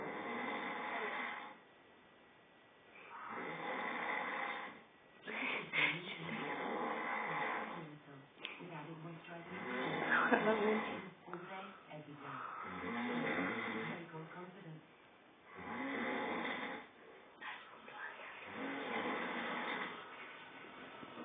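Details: A father snoring during sleep: loud, rough snoring bursts on each breath in, roughly every three to four seconds, with quiet gaps between.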